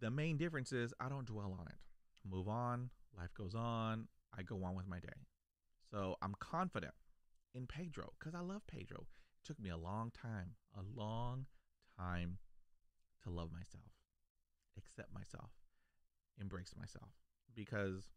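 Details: Adult male who stutters, a lifelong stutterer since childhood; stuttering.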